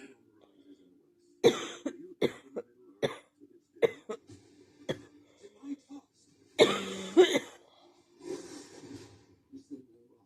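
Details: Coughing fit: about eight harsh coughs in a row with quick breaths between, ending in a longer strained cough, in a quiet room; person then excuses themselves, saying they will cough again.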